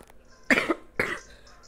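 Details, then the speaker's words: Adult woman with a cough bringing up phlegm, a headache and a slight runny nose coughs twice in a quiet room at about 2 a.m.; loose, wet-sounding productive cough. "So, inuubo din pala ako. Plema. Masakit ang ulo. Sinisipon din ako ng konti."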